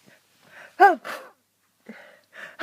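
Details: A person sick with a cold and sneezing repeatedly all day: a single sharp, voiced sneeze after a quick intake, then faint breathy sounds. Sneezing.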